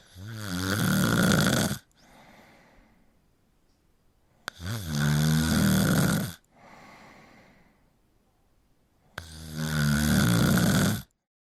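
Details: Three loud, rough, rattling inspiratory snores, each followed by a soft exhalation, at about 13 breaths a minute: snoring.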